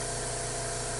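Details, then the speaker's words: Portable suction machine running with a steady motor hum and constant hiss while the suction catheter end is occluded to check maximum pressure, found set at 20, too high, to be adjusted to 5–10, before tracheostomy suctioning in a nursing competency demonstration. "I'm going to turn the machine on and I have to occlude the end of the suction catheter to see what the maximum pressure is currently set at"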